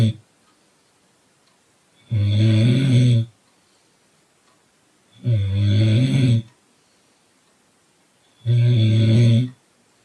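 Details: Sleeping in a car: loud, deep, rattling snores about every three seconds, each about a second long, with silence between; regular snoring.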